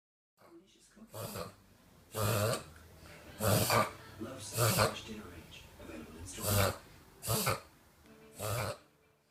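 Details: Reverse sneezing in a Bichon Frise dog: about seven loud, harsh snorting pulls of air in quick succession.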